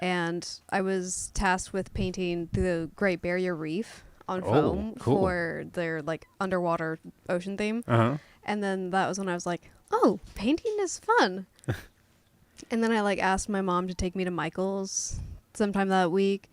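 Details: Adult woman speaking; no speech disorder.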